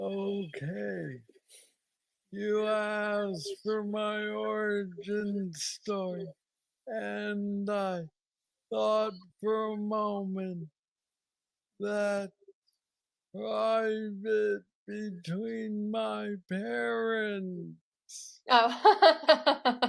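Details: Man diagnosed with Parkinson's disease at age 35, about nine years earlier, with what he calls the most aggressive form, plus mobility struggles; treated with a brain stimulator implant. Hypokinetic dysarthria (Parkinson's disease).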